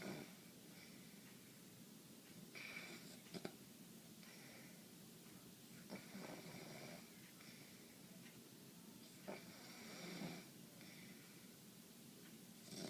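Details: Sleeping man with nightly sinus congestion causing breathing problems: irregular rattling breaths, roughly 18 a minute, with some snorting sounds in a quiet room. Snoring.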